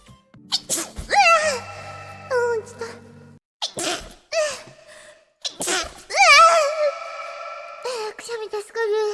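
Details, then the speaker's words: Streamer sneezing: about three sharp sneezes, each a burst of air followed by a high, squeaky voiced sound, with music in the background; she says she sneezed. "くしゃみしちゃった。"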